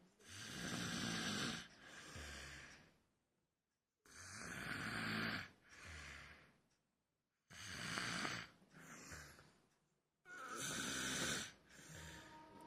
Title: Someone is snoring hard/ Funny video